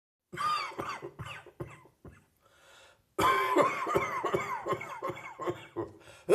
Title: Residual Morning Cough